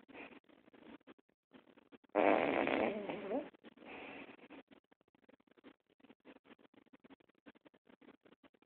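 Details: Chihuahua snoring in its sleep: soft, rapid snuffling breaths with one louder rattling snore in the middle.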